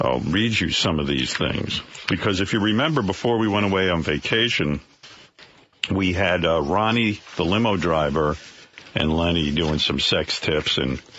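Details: Adult male speaker, radio broadcast; typical speech.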